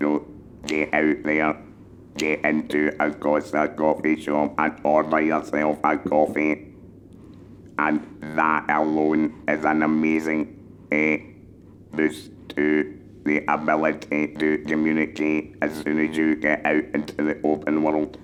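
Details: Electrolarynx speech from a male laryngectomee who speaks with an electrolarynx.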